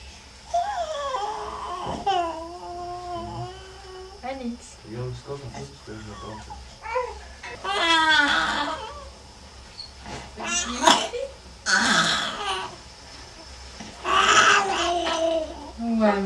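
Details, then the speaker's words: Young child crying and whimpering in sobbing bursts during a respiratory physiotherapy session with breathing assessment, at the paediatric pain unit of Trousseau hospital; the crying is read as a sign of pain or discomfort. "c'est quelque chose de normal c'est c'est soit de la douleur soit de l'inconfort et qu'il faut le prendre en compte"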